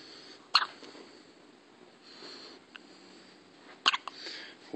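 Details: Brief, sharp hiccups a few seconds apart with quiet breathing between, from a newborn baby girl; ordinary infant hiccups.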